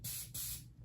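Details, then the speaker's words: Two brief hissing bursts from a dental air-water syringe, tested off to the side to confirm air before a quick air dry of liquid bond during a training demonstration. "what I like to do is take my air waterer syringe tip off to the side and test that it's air first"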